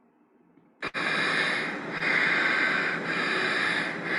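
Loud, harsh, rapid breathing noise on both breathing in and out, stronger on inspiration: biphasic stridor worsened by exertion.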